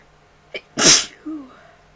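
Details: A brief inward catch, then one loud, sharp sneeze and a short voiced trailing sound; a typical adult sneeze.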